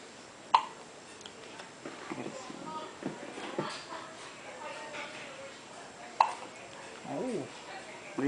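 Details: An 11-hour-old newborn boy with hiccups while his father tries to soothe him: two brief, sharp hiccup sounds about six seconds apart over quiet adult murmuring. Newborn hiccups.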